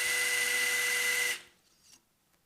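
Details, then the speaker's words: Steady high-pitched power wire driver whine for about a second, inserting a K-wire through the hook plate guide to temporarily stabilize a medial malleolus ankle fracture during hook plate fixation surgery. "here we're going to be using a kwire I'm going to be putting in two different areas of fixation just to stabilize"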